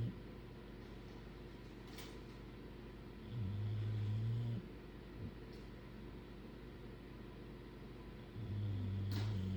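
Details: Two bulldogs snoring: low, rumbling snores about five seconds apart over a steady background hum, no music.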